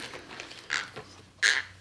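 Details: Two brief, gritty scraping bursts of teeth grinding (bruxism) from a young girl with congenital CMV infection, diagnosed with autism, cerebral palsy, and hearing and vision loss.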